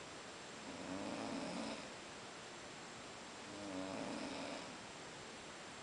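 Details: A man snoring after a long day at Boiçucanga: two soft, rumbling inhaled snores about three seconds apart over steady background hiss; ordinary snoring.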